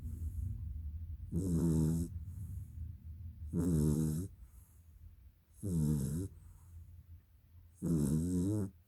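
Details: Dog taking a nap: four rhythmic nasal snores, about one every two seconds, with quiet breathing between; snoring.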